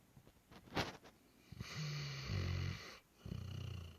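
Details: Black Labrador dog snoring while asleep: soft, low rumbling breaths with snorting, fluttering nose and throat noise; snoring.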